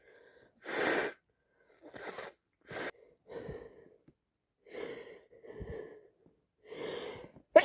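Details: Quick run of catching breaths and several soft, stifled sneezes close together; constant repeated sneezing from bad allergies.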